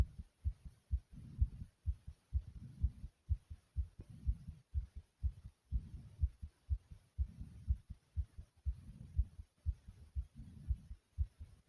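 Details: Fast, loud, strong, regular heartbeat at about 125 beats a minute, with a low whooshing between beats.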